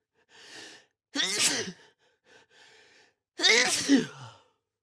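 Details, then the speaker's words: A person has a sneezing fit described as tickly and leaving them lightheaded: two loud, explosive sneezes, each preceded by a quick breathy intake, in a small room. "That will most definitely leave me randomly sneezing throughout the next few days. And it still tickles."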